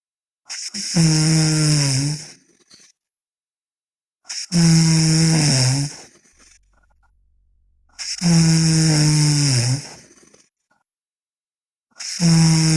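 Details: Sleeping girl snoring loudly: rough, droning snores on each breath, about 16 a minute, with quiet pauses between.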